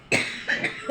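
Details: A single harsh cough burst with a short trailing breath. An older woman coughs every night and has leg pain on waking; a doctor reportedly said allergy; cough.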